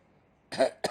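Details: Echo, a pet bird, mimics a human cough: one harsh, throaty burst, then a brief second one. An imitated cough.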